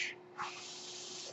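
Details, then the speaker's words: Podcast host's own mechanical ventilator heard while he speaks: steady airy hiss with a brief rushing surge as the ventilator delivers a breath. "name is worried that noise you guys my ventilator and thank you for tuning in the Bates Turner's they were not my story podcast"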